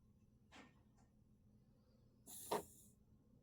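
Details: A small animal coughing in a quiet room: a faint short cough, then a louder, hissing, forceful cough.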